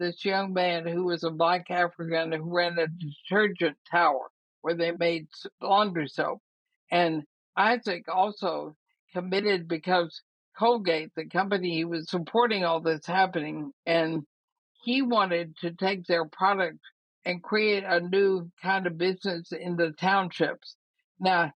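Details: 80-year-old woman diagnosed with ALS (Lou Gehrig's disease), also affecting her breathing, who says she already has quite a bit of trouble speaking though still intelligible; dysarthria (ALS).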